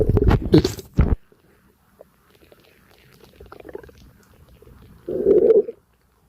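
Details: Stomach digesting a light breakfast: louder gurgling bursts at start and near end, faint low bubbling between, stomach and bowel rumbling.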